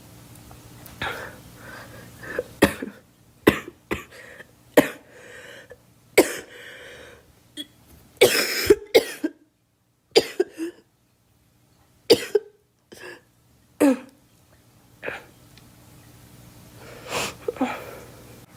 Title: Girl coughing 282